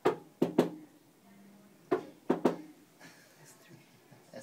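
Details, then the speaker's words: Simulated heart sounds in a cardiac assessment teaching demonstration: slow low beats in threes, an extra early diastolic sound just after S2 after locating S1 and S2, giving an S3 gallop. "so S3 is right you can really hear it so if you remember love the dub after locating S1 and S2 that sure is three"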